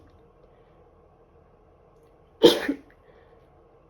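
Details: Female sneezing during a bad cold; a single sharp explosive sneeze in a quiet room.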